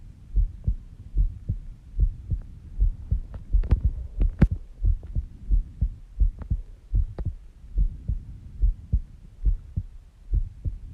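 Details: Steady paired low thumps at about 70 beats a minute with faint background clicks; a normal, slow heartbeat recorded during sleep at 5:30 am.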